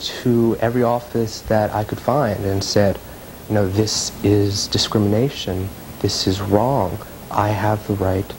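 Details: Male graduate student studying speech-language pathology who stutters, described as having a speech impediment, speaking in a 1998 news broadcast; real stuttering.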